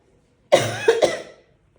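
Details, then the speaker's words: A single forceful cough burst with a second expulsive phase in a quiet room, from a woman with a recurrent chronic cough that became phlegmy and brings tears; she tries to hold back the coughing. "ब अब ये खासी बस रुकेगी नहीं खाली जबरदस्ती ये चले ही जाएगी रुक गई ना ज कर रखा है इसलिए जबरदस्ती रोक रही है फोर्सफुल खांसी आती है"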